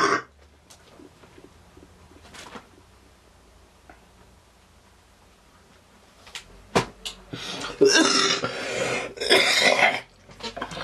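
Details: Cough.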